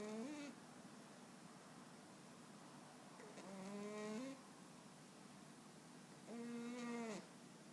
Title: My Dog Panamae Snoring Away Very Loudly In Her Sleep OMG VeryCute And Very Precious ❤️